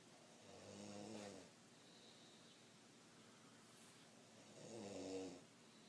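Two soft, buzzing snores about four seconds apart, steady and even, against a quiet room.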